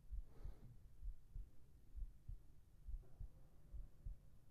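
Soft, steady lub-dub thumps at about 66 beats a minute under a low hum; regular heartbeat used as a calming sleep sound.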